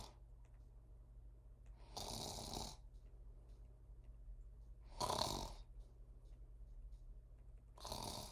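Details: Loud snoring: three harsh, rasping snores spaced about three seconds apart over a low steady room hum.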